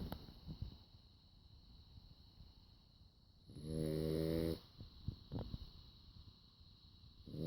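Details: One buzzing snore about a second long with soft breathing around it; ordinary snoring in a sleeping animal.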